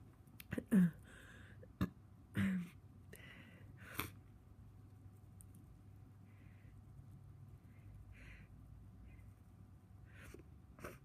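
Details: Sneezing in a person with a cold, tickly nose and congestion; several short, abrupt sneeze bursts in the first four seconds, then near silence with faint breathing.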